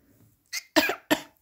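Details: Parrot that has mimicked sneezes and coughs since 6 months old gives two or three short, sharp cough-like bursts imitating a human cough.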